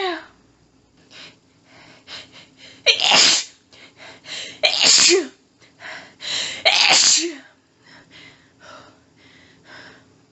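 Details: Woman's intense sneezing fit after a tickly nose all day, trying but failing to stifle: several rapid, very strong multiple sneezes with quick gasping breaths and panting between them.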